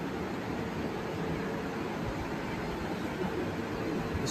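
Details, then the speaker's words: CT scanner running with patient lying in gantry: steady loud whooshing hum of the rotating gantry during the scan; CT scanner operating. "তো নমস্কার বন্ধুরা। এটা হচ্ছে CT scan room. CT scan রুমে এটা কিন্তু CT scan চলছে।"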